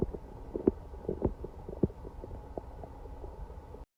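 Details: Gurgling, bubbling belly noises with irregular pops and rumbles, the day after eating Chinese food and being sick all night, sounding like something swimming in the belly; loud active bowel sounds (borborygmi).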